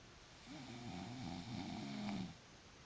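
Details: Person snoring while asleep after surgery: a single low, rattling snore on an inbreath, about a second and a half long, over quiet room noise.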